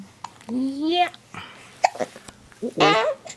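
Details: Hiccups in a 6-week-old baby: short sharp catching sounds between brief infant vocalizations; a normal finding.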